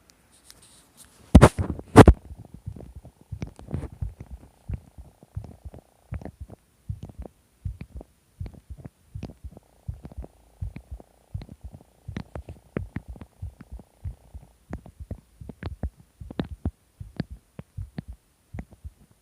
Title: heartbeat strange sound